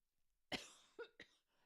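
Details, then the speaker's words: Adult getting over a cold gives one sharp cough followed by two shorter, voiced cough bursts. "Sorry, I am getting over a cold if you weren't here at the beginning to hear that. That's why I keep cough"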